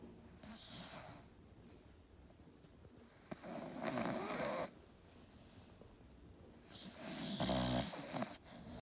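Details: Staffy (Staffordshire bull terrier) snoring in sleep: slow noisy breaths with louder rattling snores roughly every few seconds against quiet room noise.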